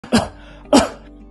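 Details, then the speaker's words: Two loud, harsh coughs about half a second apart, each trailing off roughly, acted for illustration of a persistent, nonstop productive cough with phlegm. "Penatnya batuk tak berhenti-henti. [muzik] Batuk pula jenis berkahak. Nak buat kerja pun tak tenang."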